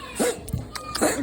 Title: Cat almost coughs up hairball